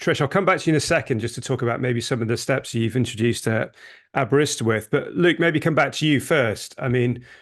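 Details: Adult man speaking; Normal adult male speech.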